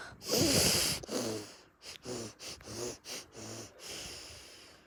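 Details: Cartoon character (Numberblocks) sneezing: a loud hissing sneeze-like blast followed by a series of short nasal snorts.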